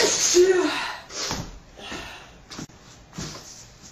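A loud explosive sneeze, then a few softer breathy sniffs and snorts in a small room.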